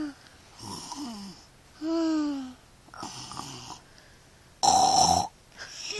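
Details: Sleep snoring: irregular noisy breaths, one with a whistling tone and another a loud, harsh, snort-like snore.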